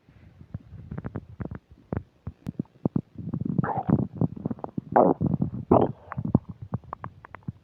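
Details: Loud, irregular gurgling and squelching rumbles with rising squeaky tones from the stomach while eating a burger and fish fries, described as upset digestion; active borborygmi, recorded on a new mic with occasional static.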